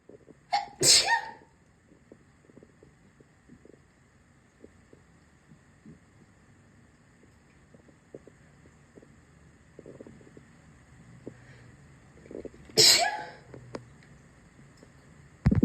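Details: Sneezing in a bathroom: two sharp, explosive sneezes several seconds apart, with quiet room noise between them.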